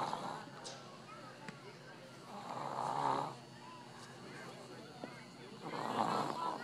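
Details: Infant boy snoring while asleep, with rough, rattly breaths rising and falling about 20 times a minute over faint room noise; said to sound like his mother's snoring.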